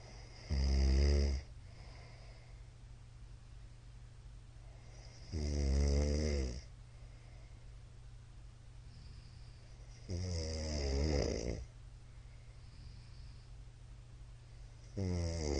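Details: Middle-aged man's very loud nightly snoring during sleep, recorded 13 March 2022: loud, rattling snores on each inspiration, about 12 a minute, with quiet pauses between.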